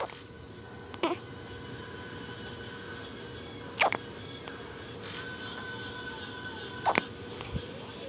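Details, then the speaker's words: Infant boy's first hiccups: four sharp, abrupt hiccups a few seconds apart, about 20 a minute, over steady room noise. "What? It's his first hiccups."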